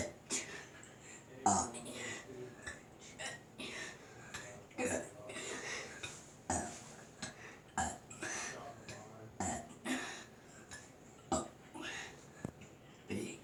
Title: he burps ABC's in the toilet until he dies and poops